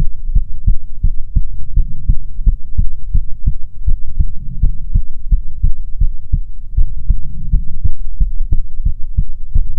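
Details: Soothing ASMR heartbeat recording: loud, deep, evenly repeating heartbeat thumps fill the recording; a steady heartbeat.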